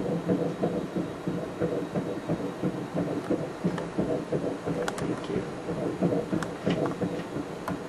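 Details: Fetal heartbeat at the first pregnancy ultrasound scan: rapid, regular whooshing pulses, about 150–170 beats a minute.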